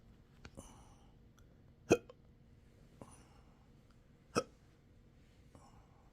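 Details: Sharp, abrupt hiccups at irregular intervals, two of them loud, over quiet background, in a patient with intractable hiccups, belching, choking spasms and developing achalasia III since December 2015, occurring in 12-hour episodes daily.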